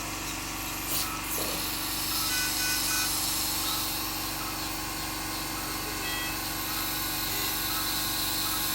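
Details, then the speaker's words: Dental handpiece coarse-polishing a filling on a Jack Russell dog's fractured canine tooth with exposed pulp: continuous high-pitched motor whir with rapid rough grinding texture. "so i'm going to spend probably five minutes polishing that was a coarse polishing that was coarse polishing"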